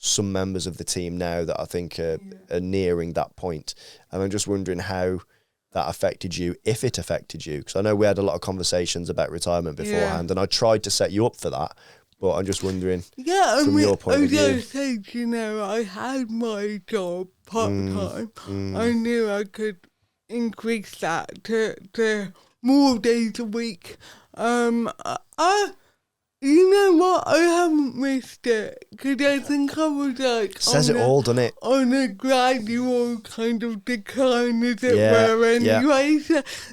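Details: Adult woman with cerebral palsy from birth affecting her speech, Paralympic dressage rider; dysarthria (cerebral palsy).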